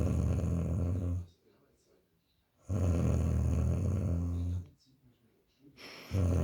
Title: my girlfriend snores very loudly sleeping feet snoring